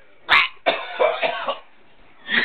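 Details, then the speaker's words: Sharp cough, then a strained run of four or five harsh coughs and another cough, after swallowing a New Year's double shot the wrong way; choking cough from an aspirated drink. "After I swallowed that shot, it didn't go down, right?"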